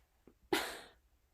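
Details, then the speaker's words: Single loud, rough, snorting breath in a quiet room from a pet animal sleeping on the bed behind; brief snore. "is snoring so when I film you never know if there's an animal behind me snoozing on the bed"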